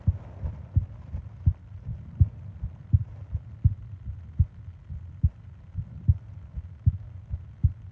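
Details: Sleep-aid ASMR recording of heartbeat and breathing sounds: soft, steady low thumps at about 80 beats a minute with a quiet hum behind; normal heartbeat.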